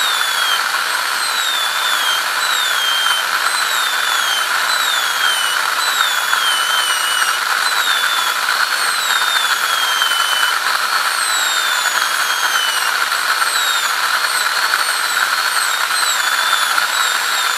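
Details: ADC practical exam demo of an FGC preparation on tooth 36: a steady high-pitched whine of a dental handpiece with repeated gliding tones, drilling the tooth during crown preparation.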